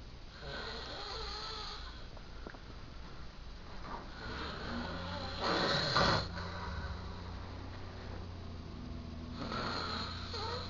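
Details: A man asleep at 3 in the morning, not waking when disturbed, makes rough, rattling breathing noises over a steady background hum, with a louder snort partway through: loud snoring.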